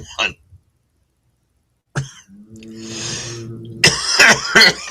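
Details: An adult gives a strained, throaty groan then three harsh, forceful coughs after taking an extra drag while smoking; cough.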